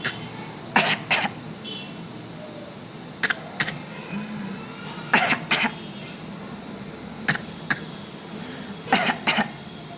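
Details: Young girl playfully copying her father's coughing style: five pairs of short, sharp coughs traded between child and adult; imitated cough.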